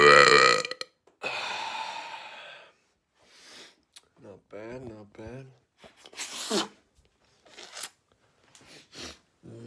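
Several loud, drawn-out burps with short vocal sounds between them; repeated belching.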